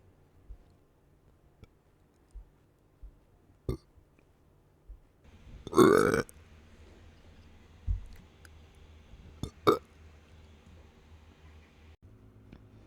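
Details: Gassy, ordinary belching while drinking soda: one loud, drawn-out burp and a shorter second one among faint clicks and drinking noises; swallowed gas brought up.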